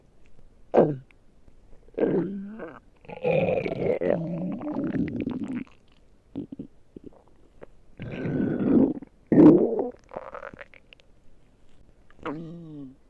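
Several loud gurgling, creaky rumbles from the gut, some with a squeaky, whining pitch: normal stomach growling.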